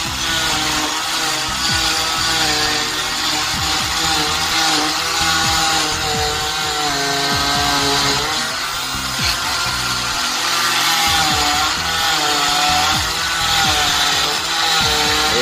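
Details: Steady high-pitched whine of an oscillating cast saw with slight pitch shifts as it cuts through a cast to split it for an MRI.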